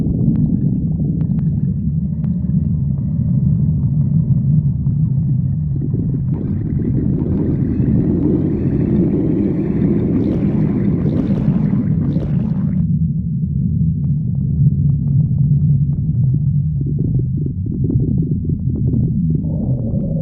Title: stomach growling 3